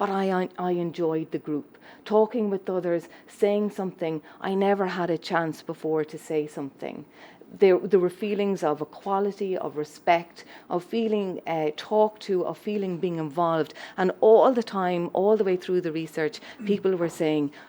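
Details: Adult woman speaking; Normal speech.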